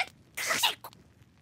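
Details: Acted sneeze from the animated show Assault Lily: a single short, breathy sneeze burst with a quick intake before it.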